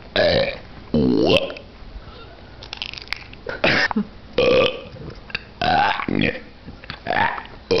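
Several loud, throaty burps, about six in eight seconds, with quieter room sound between them.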